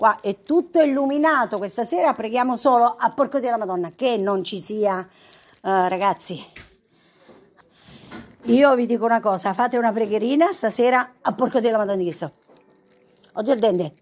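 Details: Vocal tics with coprolalia in an Italian-speaking woman with Tourette syndrome, with sudden involuntary swearing outbursts interrupting her speech.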